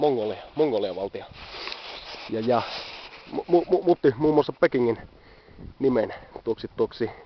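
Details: Adult man who stammers, speaking Finnish; stuttering.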